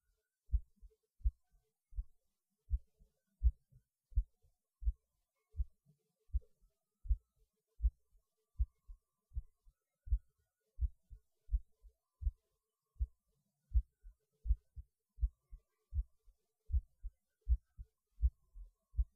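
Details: Heartbeat recorded after pausing while eating lunch, felt as beating harder though rate barely changes; steady regular low thumping about 80 beats a minute, no added noise, normal heartbeat.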